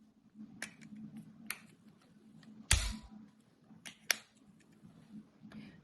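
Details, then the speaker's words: Priming a Respimat soft mist inhaler used in asthma/COPD: base turned until it clicks, cap opened to the stop, device pointed at the floor and fired, repeated until a mist cloud appears. Sharp clicks, short hissing puff, quiet room hum. "Et maintenant on tourne le dispositif vers le sol et on appuie. On referme. On répète cette étape jusqu'à l'apparition d'un nuage."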